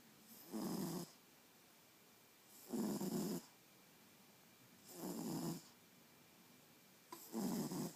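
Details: Snoring: four rough, noisy snores at about 26 a minute, each on an in-breath, with quiet pauses between them.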